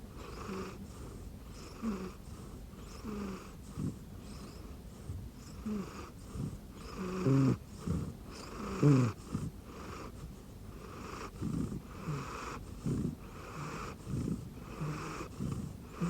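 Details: Snoring in a rescue cat sleeping comfortably on an arm pillow under a futon: steady, soft, rhythmic snoring with a purring, rattling quality, about 39 breaths a minute.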